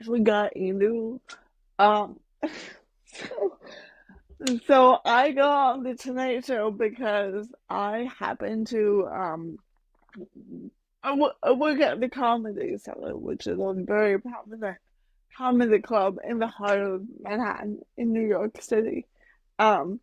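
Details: Adult woman with mild cerebral palsy that she says mainly affects her speech and motor skills, speaking in a podcast interview; mild dysarthria (cerebral palsy).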